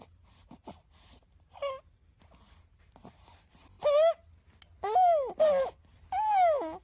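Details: Soft grunts, then several short rising-and-falling cooing wails from a newborn baby boy; normal newborn vocalizations.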